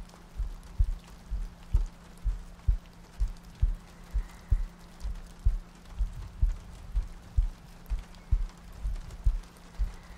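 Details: ASMR sleep-aid loop of a heartbeat with soft breathing and rain ambience: soft regular low thumps, about 64 a minute, under steady rain noise.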